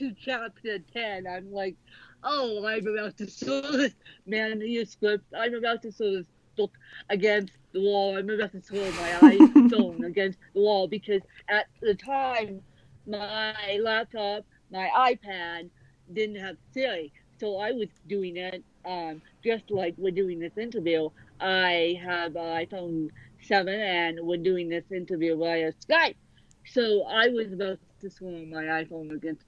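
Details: Adult woman born with cerebral palsy; dysarthria.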